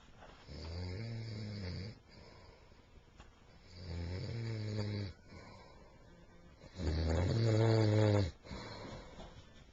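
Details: Three long, loud, low rumbling snores with quiet breaths between, about 18 a minute, from a sleeping man who denies snoring; heavy snoring.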